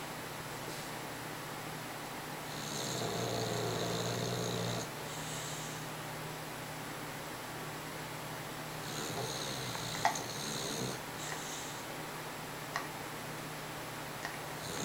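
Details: Sleeping dog snoring: droning, whistling snores on breathing in, with quieter breathing between and a few small clicks.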